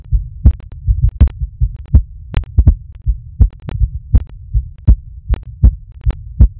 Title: heartbeat while m*sturbating